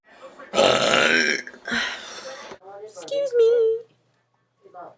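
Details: Young girl burping deliberately at home: two long, loud, rumbling belches, then a brief voiced sound.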